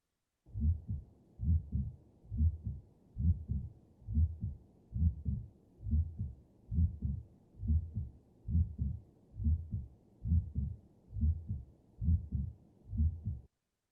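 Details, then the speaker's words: Canine auscultation simulator playing a normal heartbeat through a stethoscope, with steady paired lub-dub sounds at about 70 beats a minute; normal heart sounds. "So we're going to go through some heart sounds, some lung sounds, and some bowel sounds. So starting out with, I'm just going to play a normal heartbeat for you."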